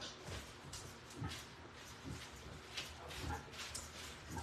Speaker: Sorry about that. The dog was acting like she was going to throw up, and so I wanted to get her off my couch first.